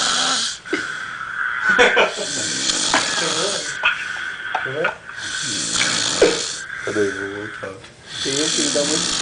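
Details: Person snoring heavily while asleep during carnival 2007: loud, harsh snores, some turning into a buzzing voiced tone, with irregular breathing noise in the gaps.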